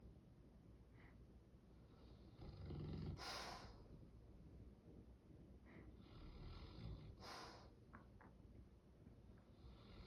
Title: The dog snores like a champ